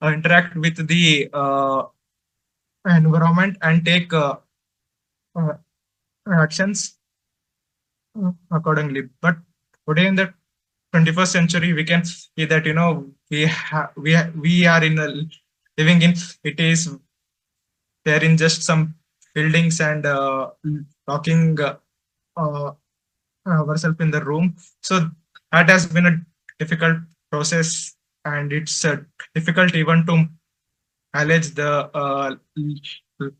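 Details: Man who stutters, presenting for a stammering association at a stuttering conference; he reports difficulty speaking, especially with different people; real stuttering.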